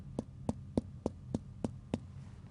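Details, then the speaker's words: Abdominal examination, percussion of all nine regions: seven quick, even taps give a hollow, resonant note, the expected normal finding rather than dull. "traditionally we percuss all nine areas leaving any tender ones until last and paying particular attention to any masses you may have felt I would expect all regions to be resonant like"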